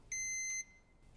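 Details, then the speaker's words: Flocare Infinity enteral feeding pump on battery power: a single sharp high half-second beep, the low-battery alert repeating every 3 seconds when about 1 hour of battery remains. "the battery symbol will begin to flash when there's 1 hour of battery life remaining in addition the pump will beep every 3 seconds"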